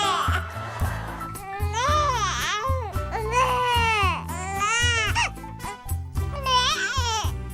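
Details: Newborn baby's hunger cry, the Dunstan 'neh' cry.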